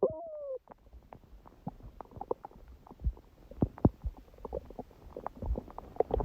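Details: Stomach growling (borborygmi) recorded at 1:30 a.m. after overeating udon at 19:30, the first gluten in a while: a brief squeaky tone, then soft gurgles, pops and low rumbles from the belly.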